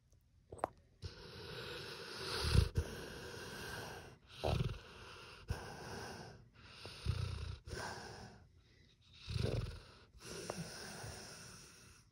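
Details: Sleeping pit bull dog snoring: soft, snuffly snores with breaths every couple of seconds.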